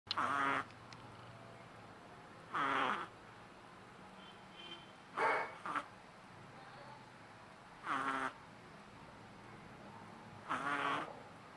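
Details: A 3-month-old Shih Tzu puppy snoring loudly.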